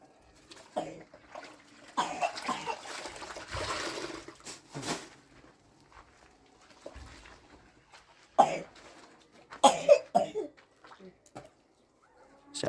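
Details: Young boy, a little sick, coughing beside his mother while she washes clothes at a building site; he had been given medicine: several short, scattered coughs with splashing water and household noise.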